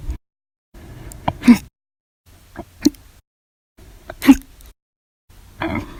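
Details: Persistent hiccups starting after breakfast, lunch and a cup of soda after dinner, recurring on several days: repeated sharp, abrupt gulping hiccups about every one and a half seconds.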